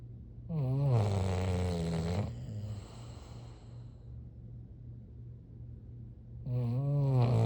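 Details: Loud, low rattling inspiratory snores with a quieter breathy exhalation, repeating rhythmically, from sleeping bulldogs.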